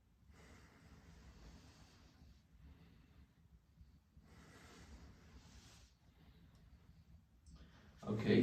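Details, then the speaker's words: Lung auscultation with a stethoscope diaphragm at the lung apex during long deep breaths: two slow breaths with soft, even airflow and no added sounds, normal vesicular breath sounds. "okay your long appears to be normal from osculation"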